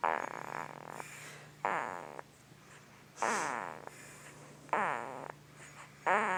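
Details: 2-week-old newborn boy hard asleep, making repeated squeaky snoring and grunting sounds; newborn sleep grunting and snoring.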